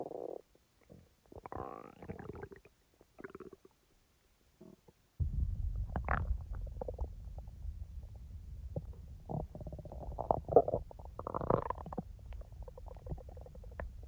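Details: Real stomach sounds recorded from the person's own active stomach, not in real time: gurgling, squeaky rumbles and bubbling over low background noise; normal digestive bowel sounds (borborygmi).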